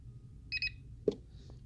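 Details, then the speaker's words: Philips Respironics REMstar Auto A-Flex CPAP (System One): while two buttons are held to enter the setup menu for a pressure adjustment, a short series of high electronic beeps sounds, followed by a soft click. "then you're gonna hold these two buttons until you hear a series of beeps"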